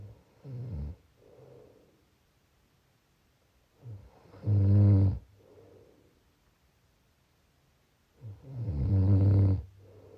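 Loud rattling snores on each in-breath, about 14 breaths a minute, with softer out-breaths between; ordinary snoring.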